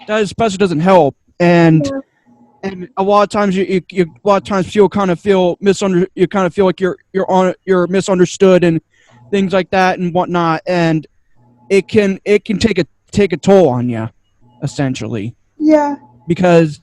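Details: Stuttering in an adult man with two diagnoses, including autism; he says he stutters a lot, especially when unsure what he wants to say.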